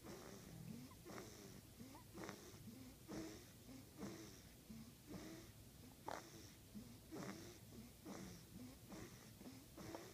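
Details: Sleeping person: soft, rhythmic snorting breaths about once a second with a faint whistling edge in a quiet room; light snoring.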